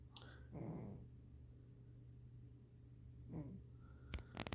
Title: My snoring cat